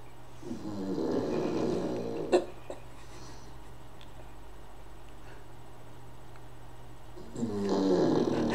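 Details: A pug recorded into a microphone gives two long, rattling, fluttering snores on the in-breath with a quiet pause between them; snoring.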